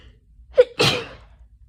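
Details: Adult coming down with an autumn common cold, itchy: a quick sharp intake of breath followed by one explosive burst of air, a single sneeze.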